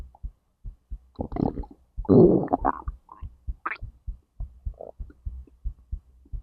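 Irregular gurgles and rumbles over soft repeated low thumps; normal digestive bowel sounds with the heartbeat faintly heard alongside.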